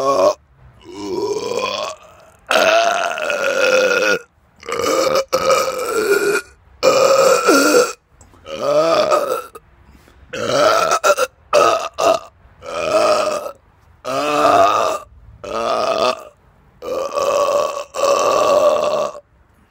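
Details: Repeated belching after eating too much fast food and drinking many carbonated drinks, recorded outdoors in the dark: about fourteen loud, drawn-out belches with pauses between them.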